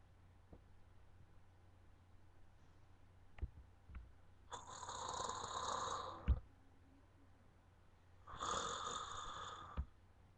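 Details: Snoring during sleep: two rough, rattling breaths about four seconds apart over quiet room noise, with a few soft knocks.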